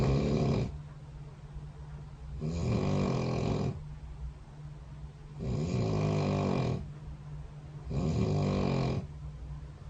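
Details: Loud rattling snores on each breath in, about 13 breaths a minute, with quieter breathing out between; sleep snoring recorded overnight by a bedside snore-tracking phone app.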